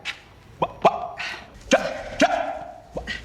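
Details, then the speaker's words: Acted scene from the drama film "Front of the Class" (2008): adult male teacher candidate with Tourette syndrome making short, sharp bark-like vocal bursts repeated irregularly during a job interview; simulated vocal tics. "Antes de me conhecer, as crianças me acham estranho... ou até ficam assustadas. Uma vez que são esclarecidas sobre minha Tourette..."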